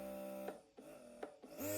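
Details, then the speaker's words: Bellababy electric breast pump running in fourth mode at level 9, a quiet motor hum with rhythmic whirring suction pulses, demonstrated during an unboxing. "Okay, അത് level 9 ആയിപ്പോൾ നമ്മൾ കേൾക്കുന്നത്. Level 9 use ചെയ്യുന്നവർക്ക് ഇതാണ് ഇതിന്റെ sound."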